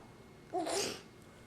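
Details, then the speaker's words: Young child, standing, making a short, voiced, playful imitated fake sneeze in a small room; a pretend sneeze. "Bless you. Bless you. You little fake sneezer."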